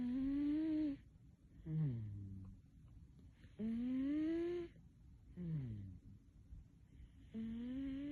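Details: Cat snoring in sleep: a rising, whistly tone on each breath in and a short falling squeak on each breath out, about 16 breaths a minute; snoring.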